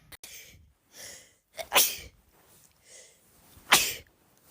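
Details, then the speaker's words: Several sharp sneezes in quick succession with softer intakes of breath between them, a run of rapid repeated sneezing caught on camera after saying they needed to sneeze. "Okay. I need to sneeze. Uh, I can't believe I got that on camera."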